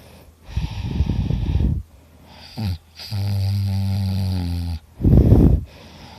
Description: A quick video of me snoring super hard and loud I was so tired !